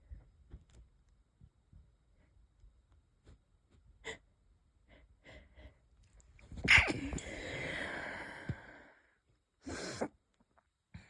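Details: Light wheezy coughs and a couple of stifled sneezes, possibly from a cold or an asthma flare; quiet breaths, then a sharp held-back sneeze with a hissing release and a short breath burst: a stifled sneeze.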